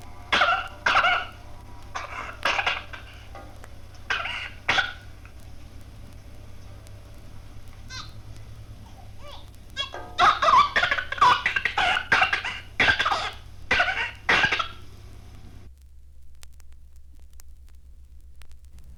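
Short, repeated, bleating cries over steady low hum; an immature cry, not the typical growling cry of Cornelia de Lange syndrome.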